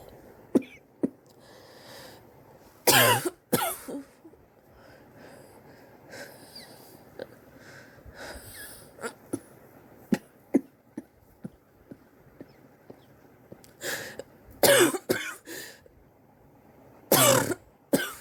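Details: Compilation of a person's cough recorded over several weeks: repeated harsh coughs in short bursts with throat clearing and breaths; person suspects bronchitis, X-ray planned for pneumonia.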